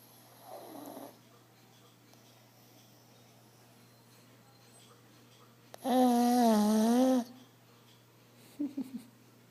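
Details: Pug snoring while asleep: a soft breath, then one loud, buzzing, tonal snore lasting over a second, then a few brief snorts.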